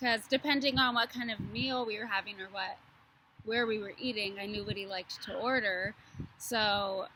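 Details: Adult woman; fluent speech.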